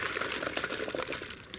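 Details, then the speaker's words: Simulated lung crackles, made by blowing into chocolate milk to imitate fine, high-pitched crackling and popping lung sounds: bubbling, popping noise; crackles (imitation). "what crackles sound like it's like blowing into chocolate milk that's the sound of a grackle all right next slide"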